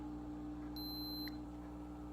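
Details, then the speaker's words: Single short high beep as a test strip is fully inserted into a simple glucometer, signalling ready for a fingerstick blood sample from a non-diabetic adult with past low blood sugar; glucose meter beep. "now I'm pressing the test strip in all the way it tells me it's ready"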